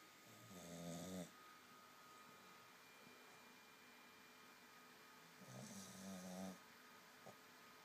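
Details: Snoring: two slow, vibrating snores about five seconds apart over quiet room hum.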